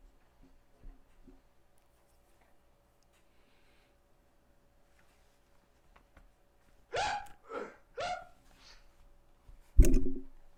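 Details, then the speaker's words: Man in his early 20s with tic disorder: after a quiet stretch, a quick run of five abrupt, loud, hiccup-like involuntary vocal bursts, the last the loudest; vocal tics. "저는 이런 소리를 내는 병을 가지고 있고요. 참 시끄럽죠. 저는 20대 초반의 남성으로 틱이라는 병을 가지고 있는데, 음성 틱을 가지고 있는데요."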